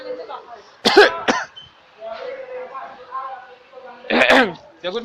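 Deliberate fake coughs in short bursts between brief speech sounds, performed as a prank rather than from illness.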